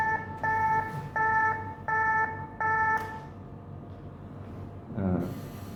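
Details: A Mindray BeneHeart D3 defibrillator gives four loud, evenly spaced electronic beeps to signal it is charged and ready to shock.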